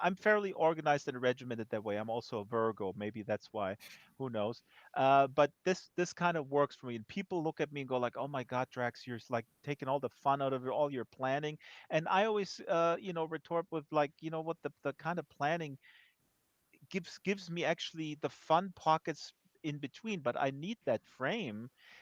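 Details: Adult male speaker; typical voice.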